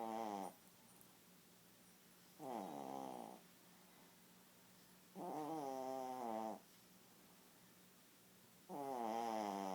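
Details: Snoring during sleep: slow, regular voiced snores about one second long, roughly every three seconds, in a quiet room.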